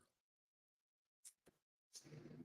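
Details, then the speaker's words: Quiet room with a few short, rough, noisy breaths from several sleeping dogs on either side of the microphone, ending in a longer rattling breath: dog snoring. "so yeah you can hear the dog snoring probably in Stereo on either side"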